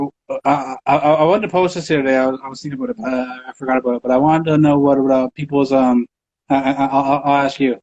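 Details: Adult male interview host who reports having a stutter and stuttering in his interviews; stuttering.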